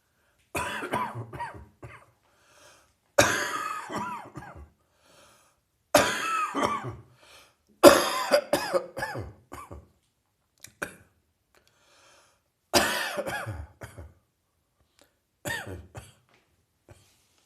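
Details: Adult with a resolving chest cold: repeated bouts of short, harsh coughs separated by quiet pauses.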